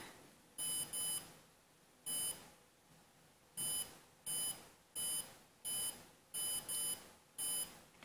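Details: Steady electronic beeps, one per detected pulse, over faint room hiss. A homemade Arduino fingertip pulse sensor with an OLED trace is tracking a resting heartbeat, the usual resting rate being stated as about 80, while the wearer keeps still and quiet.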